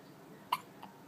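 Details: Infant's first hiccups: two short, sharp hiccups, the first louder and the second softer, against a quiet background.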